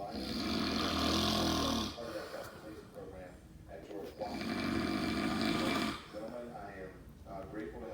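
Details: Heavy snoring: loud, rattling inhaled snores of about two seconds, each followed by a quieter exhale, repeating roughly fifteen times a minute.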